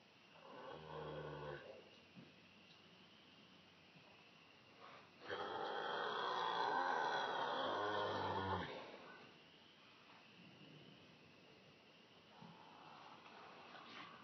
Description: Huey snoring in his stall